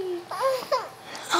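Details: Young girl with cri du chat syndrome and recently diagnosed primary pulmonary hypertension, vocalizing on her second day with a Passy Muir tracheostomy speaking valve; child vocalizing with a tracheostomy speaking valve.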